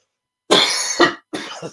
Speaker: So listen to this again while I cough my nuts off for a second. I'll be right back.